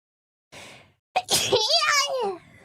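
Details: A VTuber's single sneeze: a soft in-breath, then a sharp burst trailing into a high voiced squeal.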